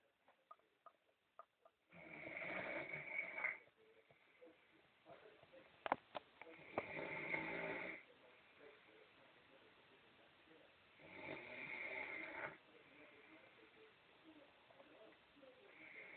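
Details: A female relative snoring: three loud, rough snores on breathing in, about 4 to 5 seconds apart, with quiet breathing between; ordinary snoring, audio only.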